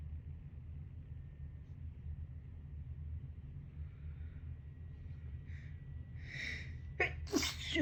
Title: Compilation of Cold Sneezes